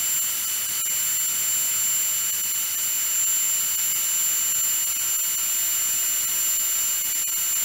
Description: Sound effects of a dentist drill.